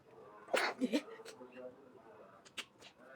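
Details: Girl about to take a selfie, possibly coming down with a cold, struggling with her nose: a sudden sneeze, then sniffing and small breathy catches and a lighter second sneeze-like burst.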